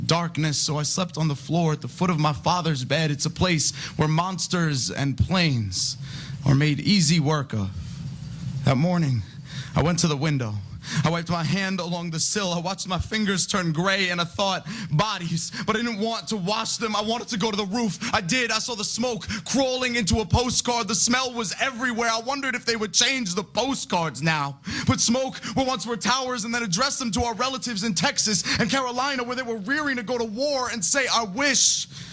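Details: Adult poet reciting; typical speech.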